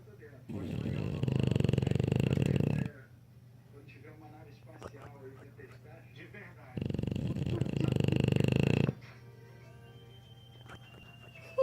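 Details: English Bulldog snoring: two long, loud, rumbling snores with quieter breathing between, music in the background.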